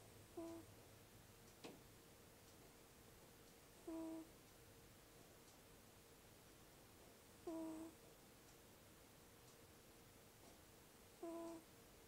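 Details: Sleeping cat snoring with a nasal whistle: a short, high whistling tone with each breath, about 16 breaths a minute.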